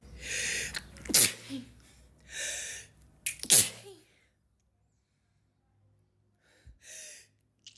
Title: Espirros satisfatórios #humor #sneeze #funny